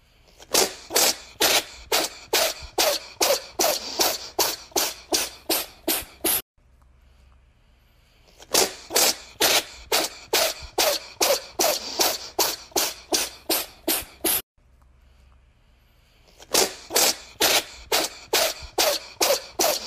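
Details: Cat sneezing in rapid bursts, about a dozen sharp sneezes per run with brief quiet gaps; repeated sneezing with nasal discharge (snot).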